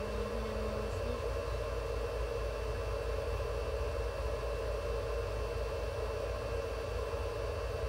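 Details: Veterinary incubator running for a pet Java sparrow receiving warming, humidification and oxygen therapy: a steady low hum and airy hiss from the incubator.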